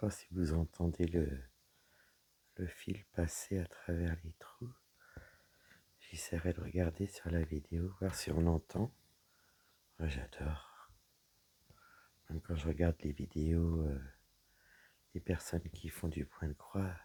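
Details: Woman whose vocal cords were damaged by a serious health problem; she reports her voice is now deeper than before, at times she has little voice, and she cannot speak loudly. Dysphonia with low-pitched, weak voice.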